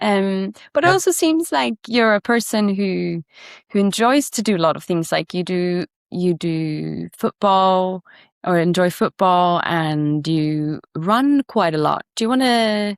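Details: Adult speaker; typical speech.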